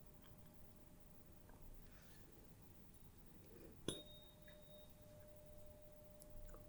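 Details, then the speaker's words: Tuning fork struck and placed mid-forehead for a Weber hearing test in simulated ASMR role-play: a sharp tap, a clear steady ringing tone, struck again near the end. "I'm going to strike the tuning fork and put it in the middle of your forehead if you could just tell me whether you hear it more on one side the other or right in the middle"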